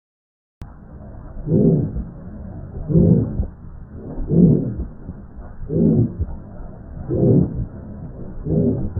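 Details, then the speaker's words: Aortic stenosis: slow heartbeat with a loud, harsh, rasping systolic murmur in each beat. "You will hear a loud harsh systolic murmur. You can hear an example in this audio clip."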